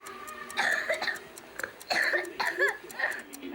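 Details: A child with a dry cough and a little fever gives about four short, harsh, dry coughs, with faint regular ticking in the background.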